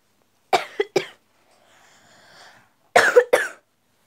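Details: A child coughs in two short runs, six sharp bursts in all, with a faint low hiss between; cough.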